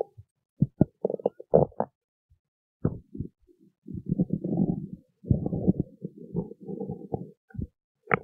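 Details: Stomach growling: gurgling, bubbling rumbles in bursts with pauses.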